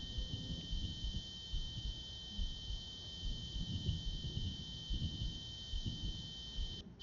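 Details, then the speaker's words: Amplified ear-canal recording from a person with normal hearing: two prominent steady pure tones, one strong and high, one fainter and lower, plus smaller ones, background hiss and low thumps; spontaneous otoacoustic emissions. "this is of course amplified a great deal but in this case there are two prominent emissions at these two frequencies there's some other smaller ones there's some background hissing"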